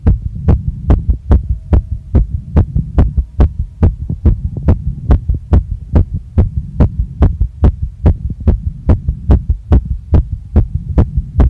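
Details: Woman's heart recorded right after a workout, felt pounding in chest, neck and face and not calming: fast, strong, regular thumping at about 145 beats a minute with low hum; rapid heartbeat after exercise.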